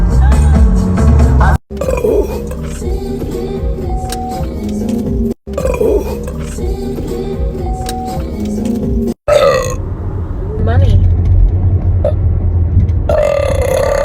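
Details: Several loud, low, gurgling belches over background music, with groaning and singing before: burping.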